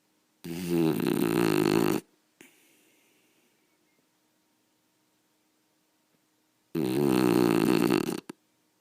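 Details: Beagle snoring loud enough to be heard through a closed door upstairs; two long, loud, rattling snores about five seconds apart with quiet breathing between.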